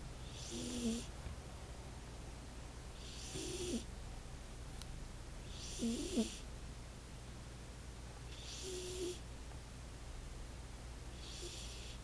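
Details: Female snoring while asleep: soft, regular snoring with a light whistling snort on each breath, about 11 breaths a minute.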